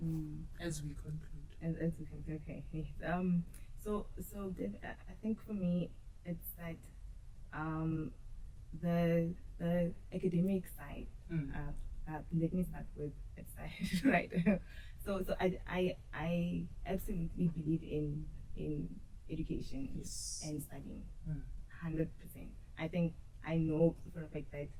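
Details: Adult woman who says she stutters and used to struggle a lot with stuttering; stuttering.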